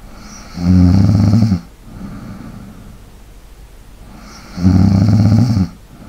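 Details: ASMR snoring and light breathing recording for relaxation: two loud rattling snores on the in-breath, separated by quieter out-breaths, about 15 breaths a minute, sleep snoring.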